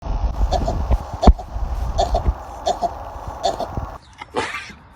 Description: Adorable sheep can’t stop sneezing — cute, funny, and guaranteed to make you smile! 🌾😄